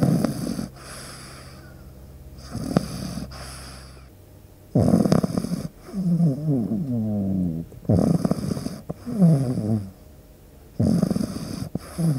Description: This deep sleep video features the sound of a pug puppy snoring.